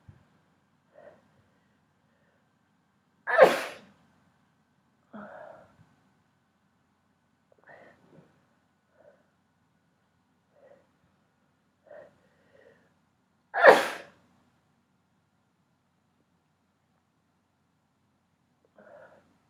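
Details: Two sharp, explosive sneezes about ten seconds apart with faint sniffs and breaths between; rapid sneezing triggered by pepper.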